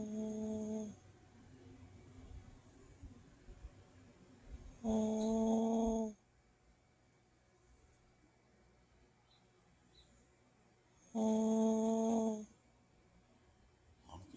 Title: tug boat / car horn snore man !